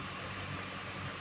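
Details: Steady, loud whirring hiss of a home oxygen concentrator running, a machine that enriches oxygen from room air, shown for Covid patients.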